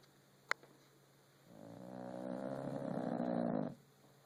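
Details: Rescue French bulldog sleeping: one long, rising, rattling snore after a brief click in a quiet room; snoring from a flat-faced dog.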